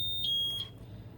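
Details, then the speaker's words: Hamilton ventilator alarm during a self-test in repair work after flow sensor calibration failure; two short high-pitched electronic beeps signalling a failed test, still reporting flow sensor failure. "It just tells me if it is going to alarm as a failure or is going to pass. I think it's a failure, which I suspected."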